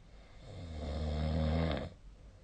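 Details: Sleep recording: one low, rattling snore rising and fading over about a second and a half in a quiet room; snoring.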